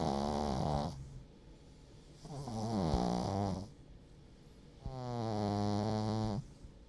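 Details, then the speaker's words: King Charles Cavalier dog, an emotional support animal, snoring in the background while sitting with his owner: snoring. "when you're in grief and you have a pet for example you can hear him in the background snoring that's my Little King Charles cavaliere George he sits with me"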